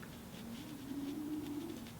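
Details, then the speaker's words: A faint, low, droning snore from a sleeping bulldog in another room downstairs, heard from a distance in a quiet room; snoring. "Millie is snoring downstairs, but she's in the front room, which is like closer to my studio, and I can hear it. So, if you can hear it, you are welcome. Bulldog snores are kind of like therapy to me."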